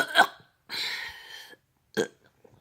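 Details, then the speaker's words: Three belches, one long and drawn out, in a cartoon burping contest between SpongeBob and Patrick for the loudest burp; burping. "that was a loud burp Thanks you're the winner spongebob congratulations thanks Patrick"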